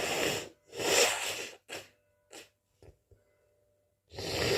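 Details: Possible hay fever (itchy) sneezing: two loud hissing sneezes, then short aborted sniffs and false starts, then another sneeze.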